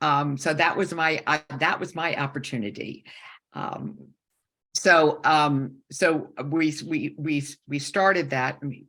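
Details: Woman with a stroke during aortic dissection surgery at age 47, with right-side loss and significant aphasia; she had about a year of speech therapy and still has aphasia symptoms; aphasia.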